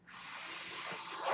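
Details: Steady, gradually rising airy hiss of delivered airflow, part of a breath cycle from the podcaster's own home mechanical ventilator, audible throughout a real spoken recording.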